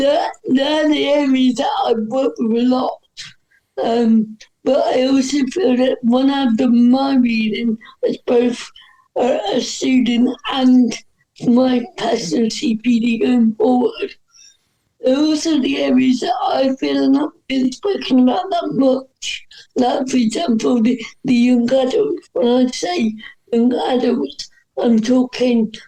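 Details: Dysarthria in an adult woman with cerebral palsy, which is stated to affect her speech.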